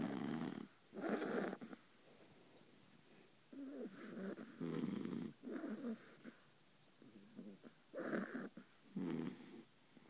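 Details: Mother and puppy Beagle snoring on a pillow right next to the listener's ear: rough, rattling snores every second or two, with softer breaths between.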